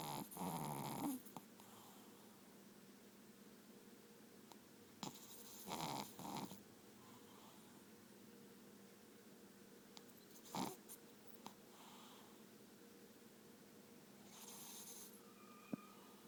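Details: A pet dog snoring in REM (dream) sleep: irregular snorting snores and soft huffs.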